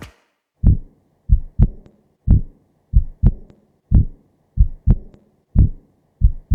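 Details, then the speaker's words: Simulated, slowed third heart sound (S3, ventricular gallop): low, dull extra sound in early diastole after S2, from rapid ventricular filling, heard best with stethoscope bell at the apex; galloping rhythm. "the S3 heart sound is a low frequency sound heard best with the bell of the stethoscope at the apex of the heart it is heard in early diastole and is often referred to as a ventricular Gallop"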